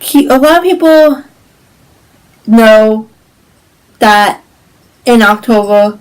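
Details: Woman with cerebral palsy; symptoms include stiffness, tightness, pain, and posture, balance and movement problems; dysarthria (cerebral palsy).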